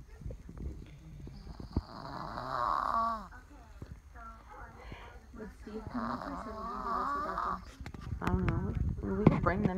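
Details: Dog's normal nightly snoring while asleep, eyes partly open; rumbling, fluttering snores repeat every few seconds, with people talking quietly nearby.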